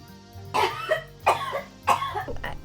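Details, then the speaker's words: Three forceful, voiced coughs from a 10-year-old girl who accidentally swallowed a quarter during a magic trick and is trying to cough it up, over soft music; an X-ray later showed the coin in her stomach. "morgan then goes off camera and you can hear her trying to cough up the coin"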